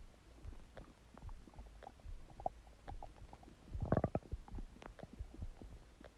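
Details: Huge stomach gurgling: irregular low gurgles, pops and bubbling rumbles with a louder churning burst midway; borborygmi.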